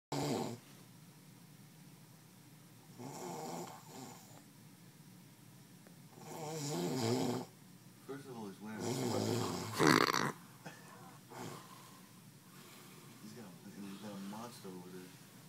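Irregular rattling breath noises during sleep, several louder rasping bursts among quieter ones: snoring.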